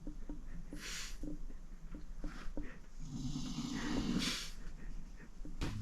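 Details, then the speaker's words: A sleeping bulldog on a train gives rough, rumbling snores with noisy, snorting breaths over a steady low train rumble; snoring. "He's snoring right now. He's snoring."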